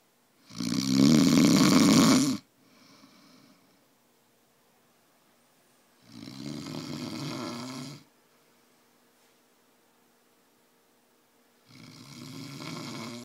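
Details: Snoring: loud, coarse, rattling snores lasting about two seconds each, with long quiet gaps between, roughly 11 per minute.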